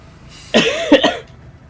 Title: [halo ce og] legendary coughing fits and deranged staments